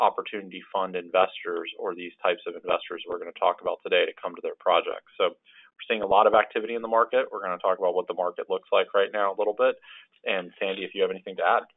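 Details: Adult male speaker, telephone-quality audio; normal speech.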